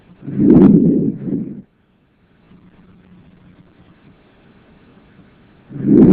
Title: Ausculta Pulmonar